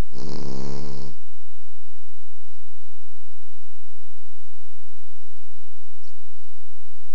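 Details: Snoring, recorded on an Android phone.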